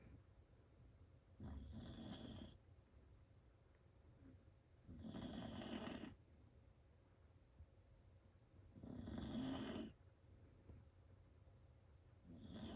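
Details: Adult man (father) snoring very loudly: rough rattling snores on each breath in, about three to four seconds apart, roughly 17 breaths a minute, with quiet gaps between.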